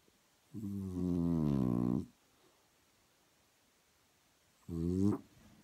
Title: French bulldog snoring